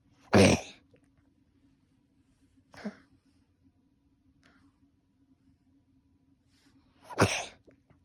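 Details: Isolated coughing, three separate coughs (two loud, one softer) with quiet pauses over a steady low appliance hum; a humidifier was added later on.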